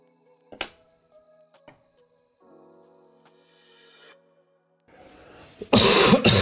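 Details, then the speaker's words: Adult live-streamer coughing repeatedly while recovering from a recent illness. "oh my God sorry I'm still going to cough a lot in your ears so after the tornado sounds you'll hear a lot of coughing sounds"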